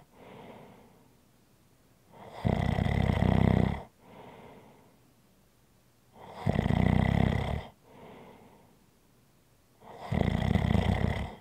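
Three loud, deep, rumbling snores about every four seconds, each followed by a softer breath out. Heavy snoring.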